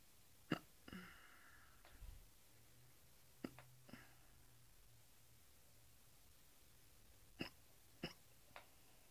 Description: My wife has the hiccups, because eat pizza OMG!